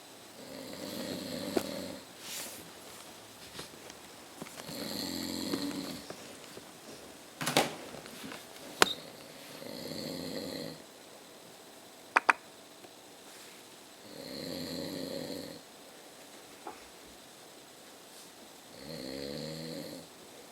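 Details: Loud, rough snoring from an older adult man (the recorder's father) asleep around 11:30, about four or five snores in twenty seconds, in a quiet room.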